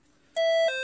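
A short steady electronic beep, then a second lower tone, as device buttons are pressed; normal keypress feedback from a syringe pump.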